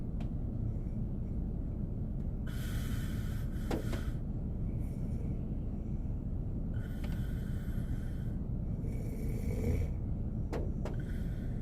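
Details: Korean man snoring while asleep in a car on a snowy day: soft snoring breaths with occasional snorts over steady rain or snow noise.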